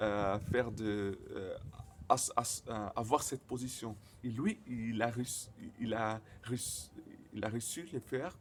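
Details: Stuttering in a male speaker, speaking French, who says his stutter often involves silent moments.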